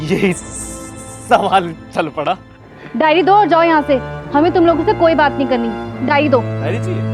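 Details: Adult speakers in an acted scene with background music; normal speech.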